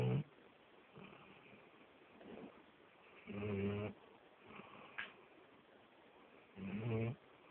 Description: this is ma random pup snoring his head off turn it up real loud